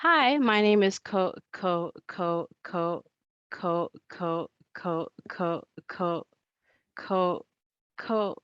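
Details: Adult woman who states she stutters and that it is heard throughout her presentation; stuttering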